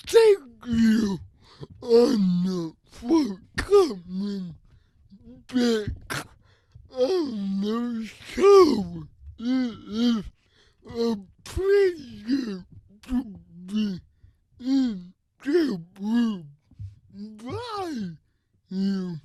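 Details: Adult with cerebral palsy who uses a wheelchair and walker and reports a speech disability; his speech is revoiced by another speaker; dysarthria (cerebral palsy).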